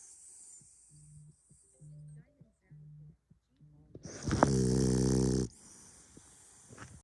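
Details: French bulldog snoring: short, buzzing snorts repeating rhythmically, then one long loud rattling snore, with faint background music.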